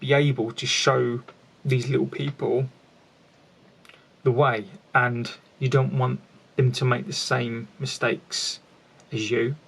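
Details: An adult man with a lifelong stammer, with repetitions heard; finding: stuttering (stammering).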